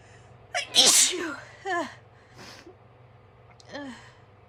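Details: Loud voiced sneeze with an explosive hiss, then two smaller sneeze-like bursts; sneezing fit without blowing the nose.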